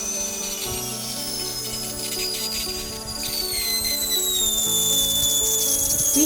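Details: High dental drill whine sliding slowly downward in pitch over background music: a BR31 round bur held perpendicular to the crown cuts an approximately 1 mm ditch to start endodontic access cavity preparation in a central incisor.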